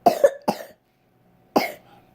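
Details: Three short, sharp coughs, two close together and one after a brief pause; coughing.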